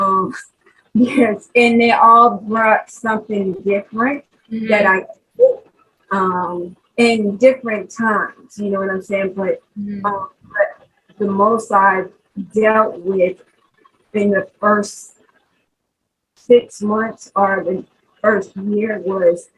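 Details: 43-year-old woman with aphasia after a 2020 stroke, unable to talk for 10 days in hospital and treated by several speech therapists, real post-stroke aphasia.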